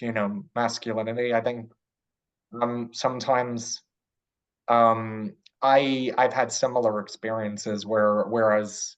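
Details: Adult man who stutters; stuttering.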